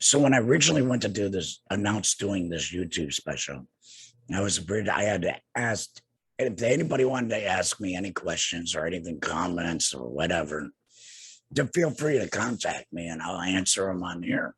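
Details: Adult man two years after total laryngectomy for cancer treated with radiation and chemotherapy; no larynx, breathes through a neck stoma, speaks via tracheoesophageal puncture (TEP) voice prosthesis with HME; tracheoesophageal speech after total laryngectomy.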